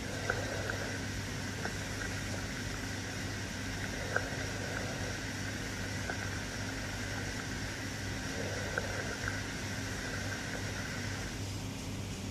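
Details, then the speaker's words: Normal vesicular breath sounds over the posterior peripheral lung fields, clavicles to T9: soft, low-pitched rustling, longer on inspiration than expiration, in slow cycles under a steady hum. "Over peripheral lung fields, from the clavicles to T9, you should hear vesicular sounds. They are soft, low-pitched rustling sounds that are longer on inspiration than expiration. They sound like this."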